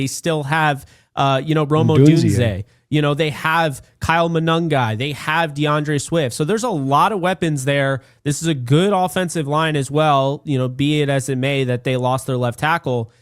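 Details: Adult male speaker; normal voice.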